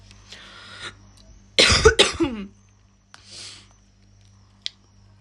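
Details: A short burst of two or three harsh coughs with throat clearing and breaths around them: a young woman coughing while smoking a cigarette held in her mouth.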